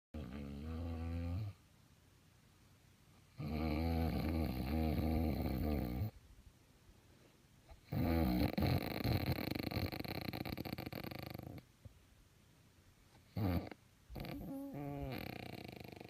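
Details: Woman whose partner says she claims not to snore: about five loud, long, rattling snoring breaths with quiet pauses between them; heavy snoring.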